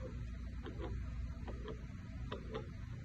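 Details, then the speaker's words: Fetal Doppler assessment of a pregnant female: slow fetal heartbeat, about 70 beats a minute, below the normal 110 to 160, demonstrating fetal bradycardia. "that's bradycardia, that we don't want to hear."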